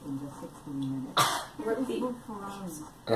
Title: Girl coughing